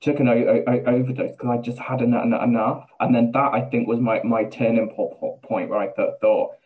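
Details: Adult man with Tourette syndrome speaking in an interview; repeated words and syllables, palilalia-like; Tourette syndrome with word and syllable repetitions.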